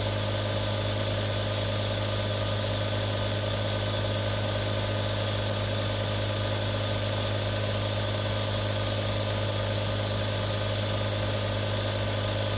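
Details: Real recording of three different nebulizers for relaxation ASMR: a steady mechanical hum with hissing airflow, constant throughout, a nebulizer running normally.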